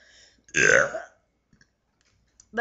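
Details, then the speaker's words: Voluntary, loud, drawn-out belch lasting about half a second from a person who burps on demand and says they can burp sentences, followed by quiet room sounds. "me burping I can burp sentences if you want want me to like see I can burn people think it's gross but I actually have friends that actually think it's awesome"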